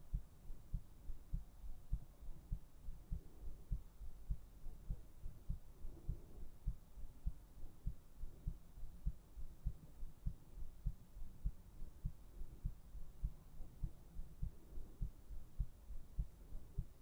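Steady, soft, low thumps at roughly 100 beats a minute under a faint hum; a regular heartbeat.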